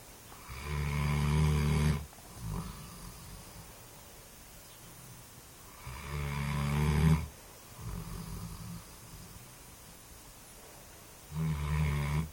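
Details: Deep, rumbling snores on the in-breath with softer out-breaths, about every five seconds, roughly eleven breaths a minute; snoring.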